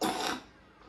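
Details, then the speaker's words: A child coughs a lot and complains of stomach ache and feeling unwell; the parent thinks it is mainly hunger. A single short, harsh cough burst fades into quiet room noise. "hoest ook heel erg zoals je hoort ehm maar Hij klaagt over buikpijn en dat hij niet lekker is"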